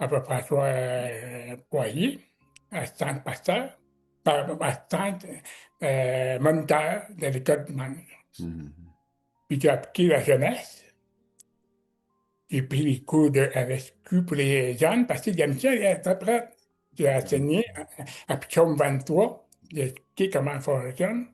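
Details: Adult man with severe-to-profound deafness since childhood, wearing hearing aids, who learned oral speech at a specialized institute, speaking French; deaf speech.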